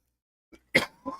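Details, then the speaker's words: An adult who is mostly recovered from a recent cough gives a soft throat catch, then one sharp, harsh cough burst and a smaller trailing hack indoors. "you just have to deal with the sound of me coughing"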